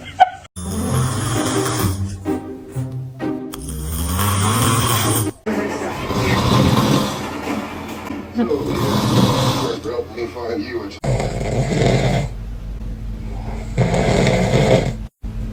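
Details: Father snoring with a newborn baby nearby: loud, rough snoring breaths over background music, with a few infant-like sounds mixed in.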